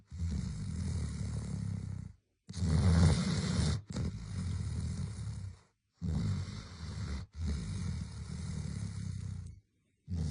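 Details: A pet dog snoring in sleep: deep, rumbling snores in long breaths, about four in ten seconds, separated by brief silences.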